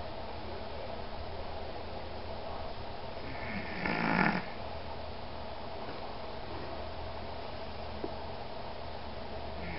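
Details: 14-year-old rescue Pomeranian dog snoring: a single brief snorting snore over a steady background hum.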